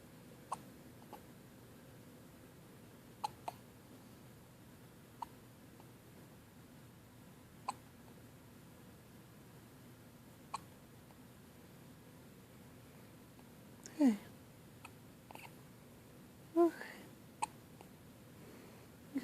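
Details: Newborn on first morning home after a good night: soft, sharp hiccup clicks about every two to three seconds, roughly 23 a minute, with faint infant fussing near the end.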